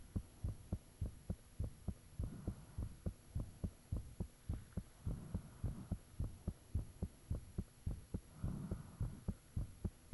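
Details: Own heartbeat recorded with the fan off, shortly after the heart began feeling thumpy: clear, regular low thumps at about 105 beats a minute, mildly fast, with a faint high tone; the recorder believes valve sounds are audible.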